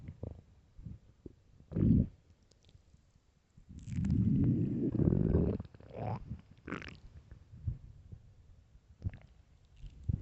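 Low gurgling and rumbling from an empty stomach, with short squeaks and one long bubbling growl: loud borborygmi of hunger.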